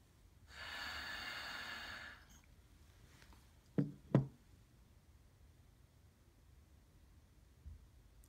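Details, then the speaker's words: Resting tidal-volume breath into an old-style spirometer: one long steady breath blown out for about a second and a half, then clicks; attempt came out too deep and was repeated (average expected about 500 mL). "okay that was probably too much I probably breathed in a little bit too much let me try it again try to do a quiet breath"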